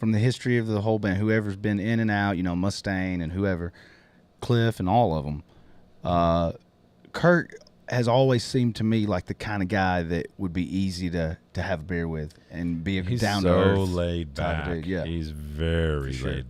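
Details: Adult male speaker; typical speech.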